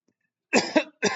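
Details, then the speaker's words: Teacher with a hoarse, sore throat, speaking during a chemistry lecture: two short, rough coughs in quick succession. "मेरी आवाज़ थोड़ा कम आ रही होगी क्योंकि मेरा गला बैठा हुआ है, सॉरी।"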